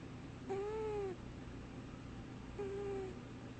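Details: A sleeping, dreaming cat makes two brief, high-pitched squeaky tones while breathing: wheezing.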